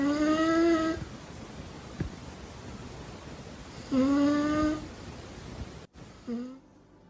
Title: Los perros SÍ roncan/ The dogs DO snore 🐶